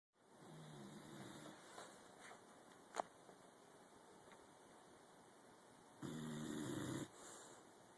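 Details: Helmer, exceptionally tired, asleep in a home office in the morning: low, rough rattling breaths drawn in, with a quiet stretch between two of them; snoring.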